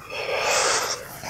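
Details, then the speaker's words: 25-year-old patient during a respiratory examination, chest expansion check: breathes fully out, then a deep breath in, repeated; expansion symmetrical. Normal deep breathing. "now what I'd like you to do is breathe all the way out for me and then take a deep breath in that's great and if you could do the same again"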